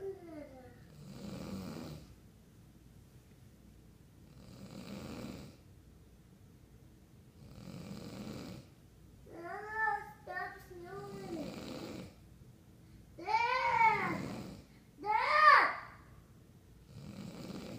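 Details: Sleeping dad snoring steadily, about every three to four seconds, with his 3-year-old child's voice cutting in between snores telling him to stop.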